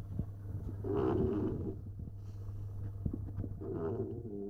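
Low, fluttering, rumbling breaths from a sleeping dog, two longer snores with a steady low hum behind; snoring.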